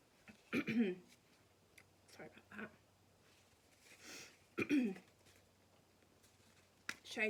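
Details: Three short, sharp, dry coughs from an adult woman in a quiet room, not wet or rattly, after being snuffy for a few days; an annoying dry cough.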